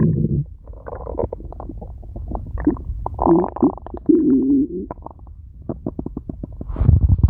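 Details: Red panda at feeding time: low, rumbling gurgles and bubbling growls from the gut, varying in pitch; ordinary stomach growling (borborygmi).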